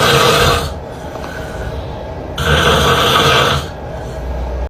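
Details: A man snoring while his partner records: two loud, rough, rattling snores on the in-breath, a couple of seconds apart, with quieter breathing between.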